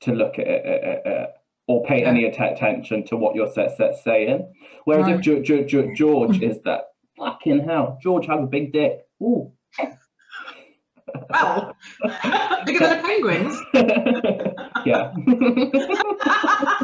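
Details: Man with Tourette's syndrome whose tics are involuntary swearing and blurted phrases in mid-sentence, with a stammer that worsens under stress; real, not acted; vocal tics with coprolalia.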